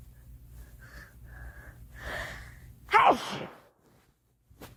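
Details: A girl sneezing: brief in-breaths build up, then one sharp explosive sneeze with a quick tail, in a quiet room.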